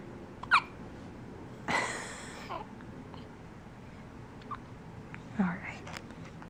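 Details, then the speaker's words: A few short, sharp, jerky hiccup sounds spaced over several seconds in a quiet room, from a female, possibly a pet dog; hiccups. "Are you done with the hiccups? No?"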